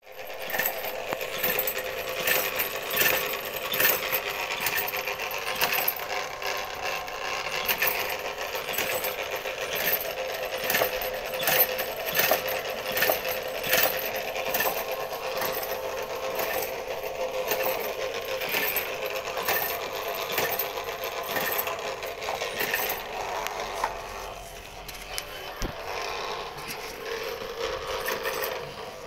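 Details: Steady motor whir with rapid clicking and rattling from a homemade DIY mechanical ventilator, built for the Corona pandemic, running.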